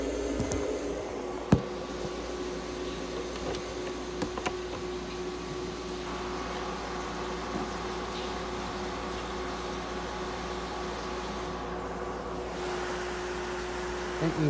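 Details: Veterinary treatment of a budgerigar: an ICU incubator running warm, humidified oxygen therapy.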